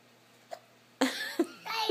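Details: Child with hiccups: a faint sharp catch, then two abrupt voiced hiccup sounds over quiet room noise.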